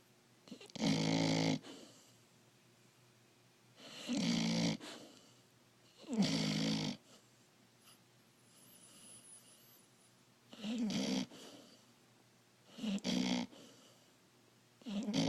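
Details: Young puppy snoring: loud rattling snores with quiet pauses between them, about five in fifteen seconds, roughly 20 a minute; ordinary snoring.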